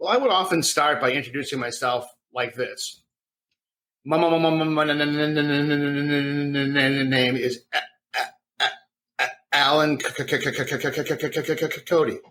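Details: Adult man with a severe stutter since childhood that he did not outgrow, deliberately demonstrating how his self-introductions used to sound; stuttering (imitated).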